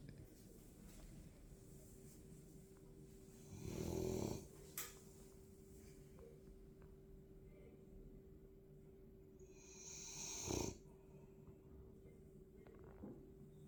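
Two loud, rough snores about six seconds apart rise over a steady background hum, with quieter breathing between them.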